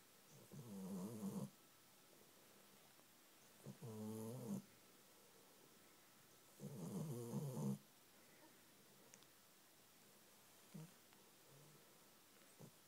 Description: Fell asleep on my knee & was snoring like a train